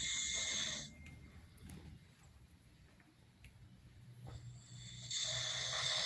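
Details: Man snoring while asleep: loud, hissing, rough breath noises at the start and end with quieter breathing between.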